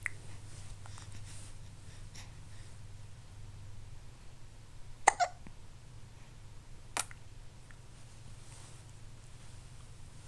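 Two or three short, sharp hiccup sounds over a quiet room hum; hiccups.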